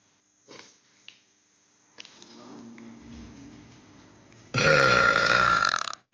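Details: A girl in a pool gives a few small sounds, then a long, loud, rumbling voiced belch lasting over a second; burping.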